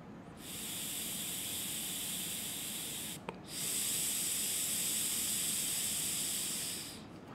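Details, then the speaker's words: Two long, steady hissing breaths, one out and one in, forced through a silicone mouthpiece respiratory muscle trainer on its lightest resistance setting, with a brief pause between: resisted breathing exercise. "when you do put it in you can start breathing and you'll start noticing that there is resistance whenever you're pushing out and sucking in"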